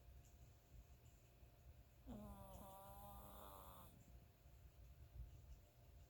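One drawn-out whistling, buzzing snore lasting about two seconds over quiet room noise; snoring in a sleeping small dog.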